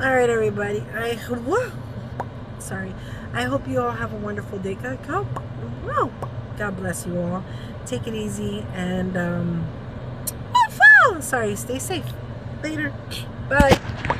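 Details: Vocal tics in an adult woman with Tourette syndrome, recorded during a real tic attack while running errands that she could not stop; she reports trouble speaking and says it was time for her medication.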